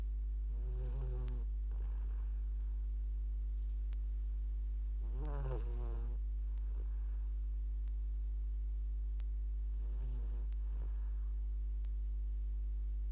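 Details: Sleeping dog snoring: repeated rumbling, whistling breaths about every five seconds over a constant low hum. Snoring.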